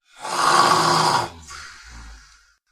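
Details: Dog: one loud, rough rattling breath in, then a softer snorting breath out; snoring.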